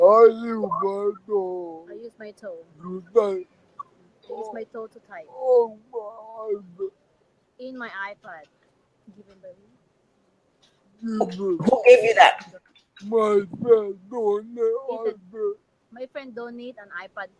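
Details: Adult man with severe cerebral palsy whose speech the host could follow only after 15 minutes of lip-reading; his wife usually voices for him and repeats his words afterwards; dysarthria due to cerebral palsy.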